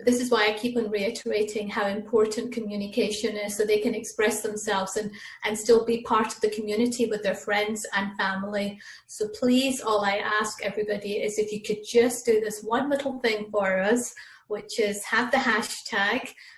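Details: Adult woman speaking; typical speech.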